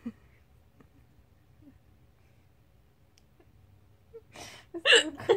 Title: I'm laughing with hiccups